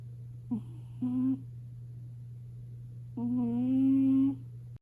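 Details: Five-year-old female British Shorthair cat asleep on a warm kotatsu, snoring extremely loudly: drawn-out, tonal, humming snores over a steady low room hum.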